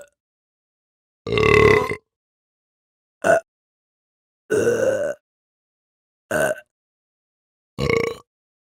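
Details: Five short, deep, voiced human belches separated by silence, from a sound-effect recording; burping.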